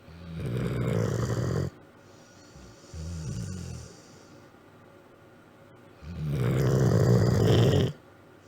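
Deep, rumbling snores on each breath, with a softer snort between two long loud ones: a dog snoring during sleep.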